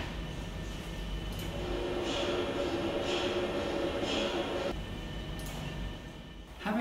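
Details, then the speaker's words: Loud continuous rhythmic knocking and buzzing from an MRI scanner acquiring a research brain scan (dementia research); the patient lies in the tube with a head coil and earplugs for about 45 minutes; normal scanning noise. "It's certainly a bit unusual being asked to sit down and lie down inside this tube for three-quarters of an hour or so and there's quite a lot of banging noise so I'm very pleased to have the earplugs that they gave me."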